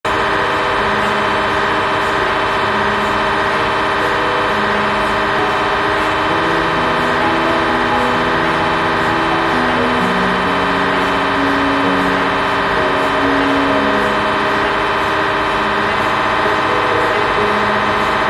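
Loud, steady machine noise with layered droning and shifting buzzing tones, typical of an MRI scanner running a scan sequence.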